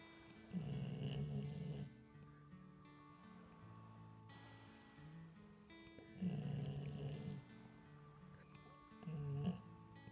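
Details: Sleeping dog with a ball in her mouth: low, rattling snore bursts every few seconds over light background music; snoring.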